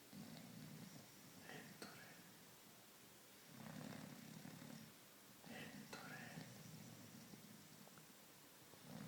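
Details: A boxer dog asleep on the sofa, snoring: low rumbling snores with soft nasal snuffles, about one every two seconds, over faint room noise.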